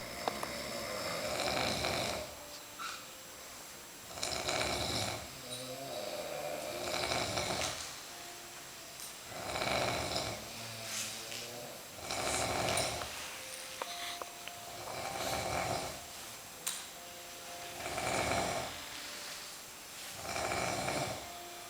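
Regular harsh, rasping snores about every 2.5 seconds, roughly 23 a minute, over room noise; steady snoring during sleep.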